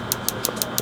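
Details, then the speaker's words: Rapid regular sharp clicking pulses, about six a second, over a steady hum from a focused shockwave therapy device on the patella of a former football player's knee for patellar tendinitis, intensity being raised to tolerance. "I'm going to give you a little bit more here let me know as we uh we start to build it up"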